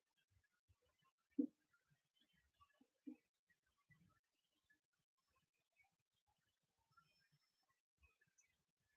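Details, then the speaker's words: Adult's stomach growling picked up by a microphone in a quiet room: faint, short low gurgles and rumbles in a few scattered bursts; borborygmi. "can y'all hear my stomach growling in this microphone? That's terrible."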